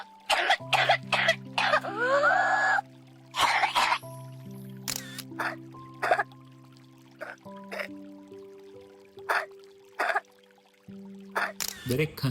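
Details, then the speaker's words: Series of short infant cough bursts of varying character over background music, illustrating baby cough types: barking croup, wet phlegm, dry asthma/allergy, flu, wheezing bronchiolitis, whooping and pneumonia coughs. "બાળકને ખાંસી છે પણ કઈ પ્રકારની છે એ ખબર છે કેમ કે બધા અવાજ એકસરખા નથી આવતા તો ચાલો સાંભળીએ"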